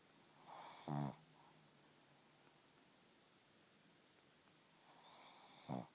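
Two snores about five seconds apart, each a hissing breath ending in a low fluttering snort; snoring in a flat-faced dog.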